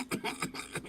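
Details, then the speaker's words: Adult imitating the paroxysmal cough of pertussis (whooping cough): rapid continuous back-to-back coughs without pause, described as leading to vomiting or turning blue. "Tooso, toso, toso, tanto que vomito. O toso, toso, toso, me pongo morado, ¿no?"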